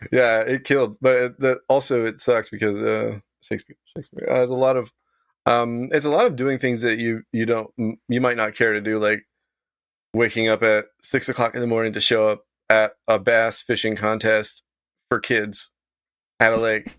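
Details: Adult man with Tourette syndrome of late manifestation, diagnosed about 7–8 years ago, also with OCD; vocal tic of involuntarily saying "Shakespeare"; vocal tic (Tourette syndrome).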